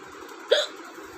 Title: mostly requested hiccups hichki video🙏 #hichki #shorts #youtubeshort